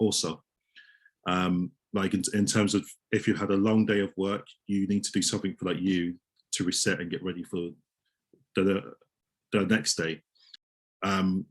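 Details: Adult male osteopath who stammers, speaking in a real interview; stammering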